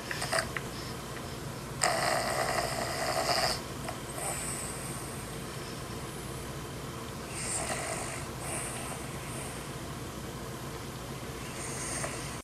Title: Dog is woken up by the sound of his own snoring